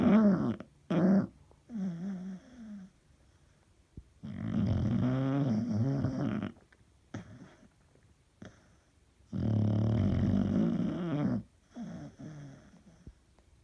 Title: The Snore